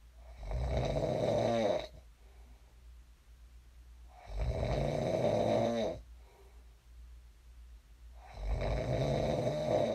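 Three loud, rumbling snores on each in-breath, about 15 breaths a minute, with quiet exhalations between; ordinary sleep snoring.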